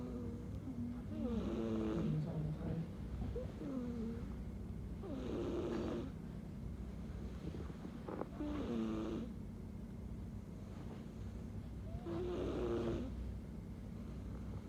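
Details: Snoring during sleep: rough fluttering snores recur every few seconds over steady low room hum.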